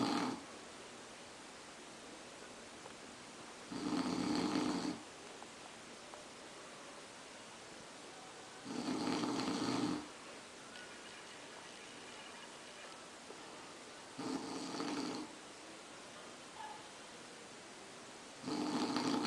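Regular snores about every five seconds, roughly 12 a minute, over steady room hiss. Snoring.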